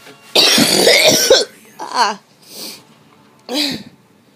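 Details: Person with a breathing condition who skipped breathing treatments, complaining of chest pain: harsh, rough coughing bursts, a long choking spell then three shorter hacking coughs.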